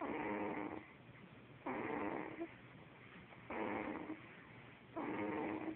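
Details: Person snoring during sleep, said to snore like their father: steady rhythmic snores on each in-breath, about 36 a minute, with quieter out-breaths between.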